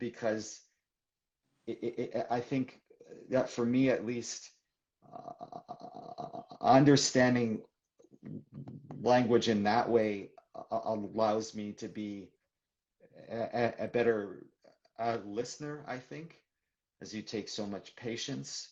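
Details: Adult man who stutters, speaking in a live conversation for International Stuttering Awareness Day; stuttering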